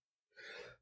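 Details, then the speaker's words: Adult who announces an imminent sneeze and afterwards says it feels better: a single brief, breathy burst of air; muffled sneeze. "Sorry, I'm going to absolutely just sneeze my my frontal lobe out."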